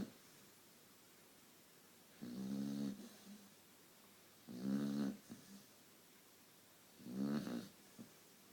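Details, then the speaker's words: Daisy snoring while sleeping: three rumbling snores on the in-breath, roughly 25 a minute, separated by quiet pauses in a still room. "Were you snoring? Were you snoring?"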